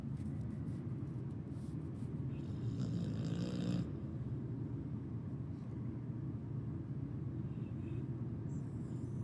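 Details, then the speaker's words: 2-year-old girl (Harley Mae) snoring loudly in her sleep, likened to a chainsaw; owner says this little snore while sleeping is just how she is. "And this little snore that she does when she's sleeping, that's just her."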